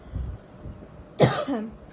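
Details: A young child reciting the Bengali alphabet from a book gives one sharp cough followed by a brief voiced tail, in a quiet room.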